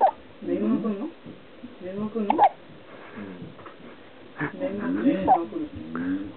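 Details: Hiccups in a 6-day-old baby: short, abrupt catches of breath recur between soft baby vocal sounds, with faint adult talk nearby.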